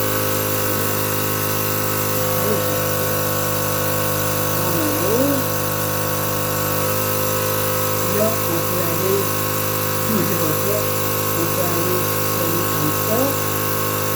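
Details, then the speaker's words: Suction machine used for tracheostomy suctioning: loud, steady motor drone with a constant hum and faint voices underneath. "Voilà, c'est fait. Ah oui, c'est bruyant mais écoutez, il faut respirer dans la vie. Et puis ça ça fait la petite machine euh à succion."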